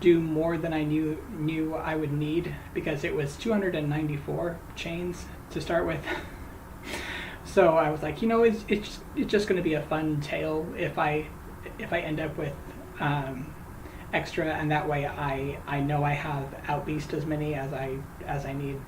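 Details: Man who says he stutters, talking while crocheting; word and phrase repetitions, worse when greeting people by name; stuttering.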